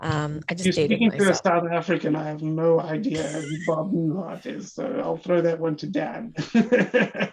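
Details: Adult speaker; normal speech.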